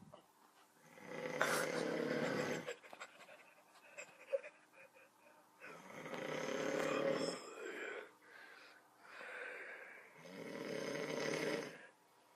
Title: My little brother recorded me snoring my head off